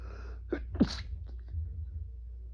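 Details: Adult male stifling sneezes induced by Chhinkni sneezing powder; a single muffled, held-back sneeze, a brief sharp burst of breath with the sound suppressed, in a quiet room.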